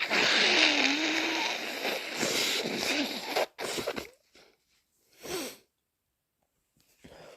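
Forceful wet sneezes and a strong nose blow, with short bursts of air separated by quiet pauses; sneezing during a head cold.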